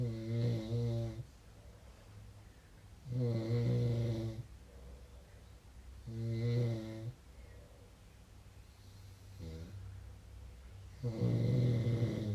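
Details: Rhythmic low snores, about four in twelve seconds, each followed by quieter breathing out, from a sleeping man; snoring.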